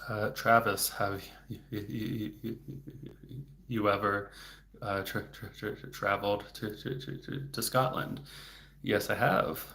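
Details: Adult male speech-language pathologist who has stuttered since age eight and had speech therapy off and on until his early 20s; word and part-word repetitions audible; stuttering.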